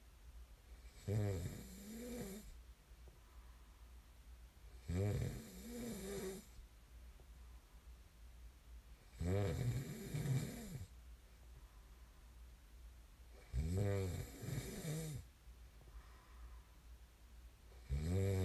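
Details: Sleep snoring: loud, rattling snores on each inhalation, about 14 per minute, with quiet exhalations between them; ordinary snoring.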